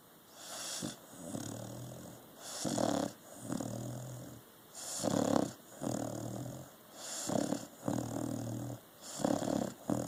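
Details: Rhythmic rattling breaths with hissing exhale, about 14 breath cycles a minute, from a sleeping dog; snoring.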